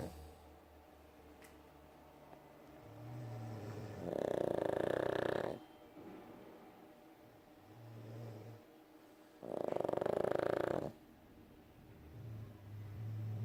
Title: Synchronised Snoring